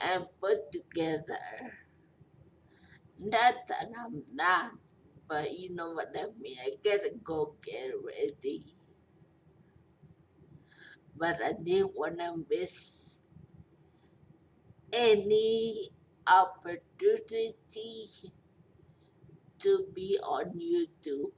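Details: 43-year-old woman in long recovery from a major stroke, who says she is hard to understand; post-stroke speech impairment.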